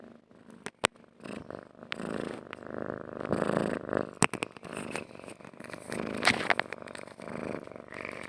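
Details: Cat stroked on the head, purring: a steady rumbling purr with some handling noise.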